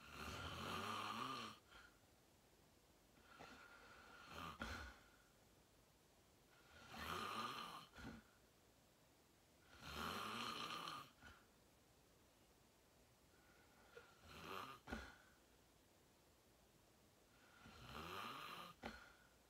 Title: Watch me sleep #41: 😴 Fell Asleep Fast @ 8:45 😪 Slept Deep REM Sleeping 💤 Great Loud Snoring ASMR